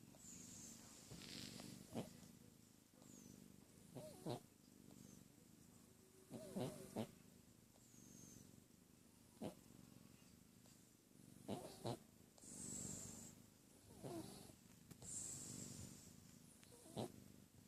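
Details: A female cat snoring loudly while asleep, a low rattling snore that swells and fades with each breath.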